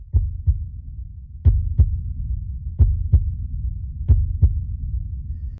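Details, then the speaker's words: Slow steady paired lub-dub heartbeat, about 46 a minute, a sound effect in a fictional drama as a patient's heartbeat returns and resuscitation begins. "Ada detak jantung. Cepat resusitasi pasien."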